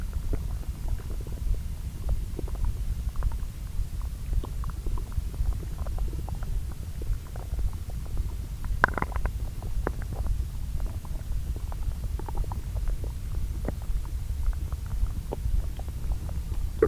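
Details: Bowel sounds recorded at two areas of the lower intestine and overlaid, digesting the previous day's meals: soft, frequent gurgles and clicks over a low rumbling base; normal borborygmi.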